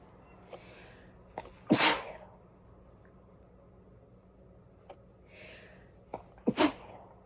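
Two sneezes, each a short breath in followed by a sharp explosive burst, in a quiet room.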